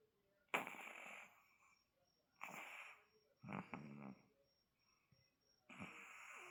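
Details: A sleeping Chihuahua snores with four noisy breaths a couple of seconds apart, each with a high, wheezy whistle. Small-dog snoring.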